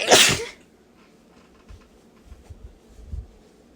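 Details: Single sharp, forceful stuffy sneeze, possibly while sick, then near silence with faint low thumps; sneezing.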